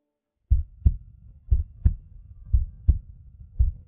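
Soft, regular low thumps in pairs, roughly 58 pairs a minute, a fetal heartbeat sound effect replayed from a drama scene.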